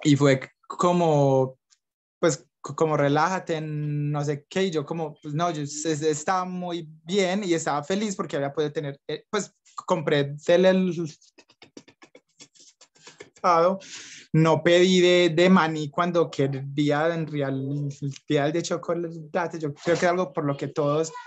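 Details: Young adult man from Medellín, Colombia, who stutters, describing blocks and repetitions in his own speech; stuttering.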